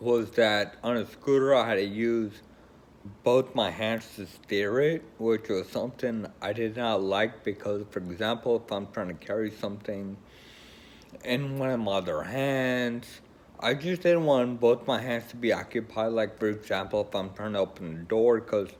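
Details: Adult man with Friedreich's ataxia who uses a scooter and is choosing a wheelchair; mild ataxic dysarthria (Friedreich's ataxia).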